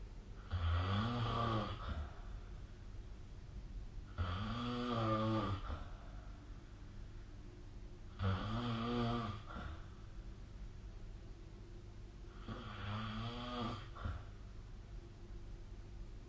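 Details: Snoring during sleep recorded with the SnoreLab app on 2025/05/01: four rough, buzzing snores, each about 1.5 seconds, at roughly 15 breaths a minute with quiet pauses between.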